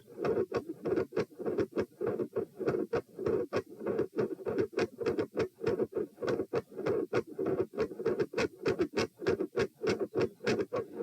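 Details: Normal heart sounds recorded at position P while seated, compared across two tests: steady, regular paired sounds through a stethoscope at roughly 100 a minute.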